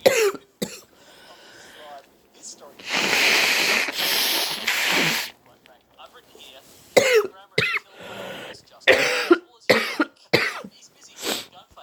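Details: Person with a stuffy cold trying to clear a blocked nose: harsh breathy induced sneezes and sniffing, then a run of short coughs and throat clearing.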